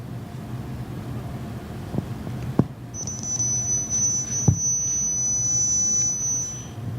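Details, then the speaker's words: High-pitched tone played in a hearing test of which frequencies different age groups (younger kids to older adults) can hear: a steady, thin tone for about four seconds over quiet room noise. "we took all the data from the Google Form and made a graph with it to help represent the percentages each age group could hear high frequency and this is an example of a frequency that we had played"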